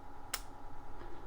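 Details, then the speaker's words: Spring-loaded lancing device (True Result kit) firing with a single sharp click to prick a finger for a self blood sugar check by an adult; a blood droplet is drawn and the reading is 83. "push the button, a little blood droplet comes out."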